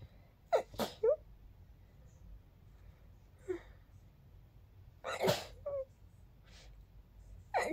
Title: Sneezy sneezes 🌺